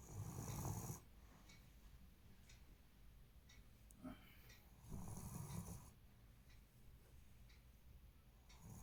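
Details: Loud, low rumbling snores about every 4 seconds with quieter breathing between, from a sleeping German Shepherd dog.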